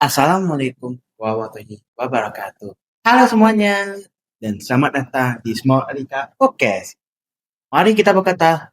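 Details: Speech of a deaf boy who uses a cochlear implant.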